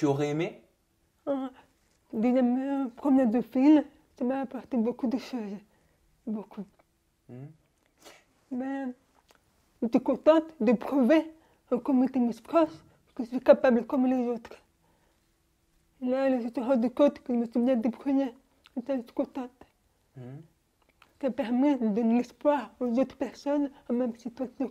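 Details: Young woman born deaf, using hearing aids since birth and recently new hearing aids, speaking French orally while lip-reading; finding: speech of a person with congenital deafness.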